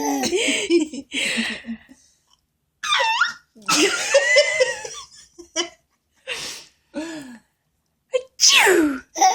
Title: Silly baby laughs at sneezes!